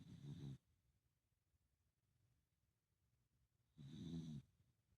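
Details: Soft snoring: two short, low snoring breaths a few seconds apart in a quiet room.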